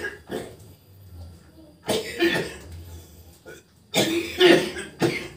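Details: Patient with persistent dry cough and shortness of breath, improving during acupressure nerve treatment: three short, harsh coughs without wet rattle, separated by pauses; dry cough.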